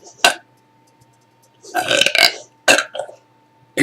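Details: Morning burps on waking: several loud, rough burps, one long and drawn out, with short quiet gaps between them and a faint steady room hum.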